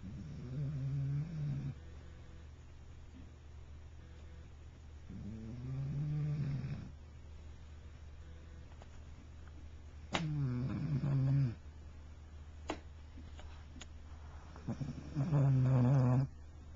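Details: Snoring: four rumbling, throaty snores at a slow resting rate with a steady low room hum between them, recorded with a Flip Video camcorder.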